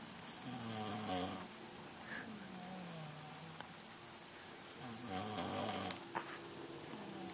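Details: Two drawn-out, wavering nasal snores with a whistling tone and quiet between; snoring.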